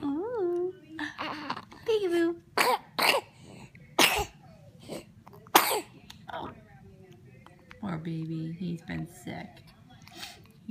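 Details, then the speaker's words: Three-month-old infant with an ear infection and cough: coos between several short, harsh coughs and throat-clearing bursts. "only three months and he already has an ear infection and a cough it's been awful"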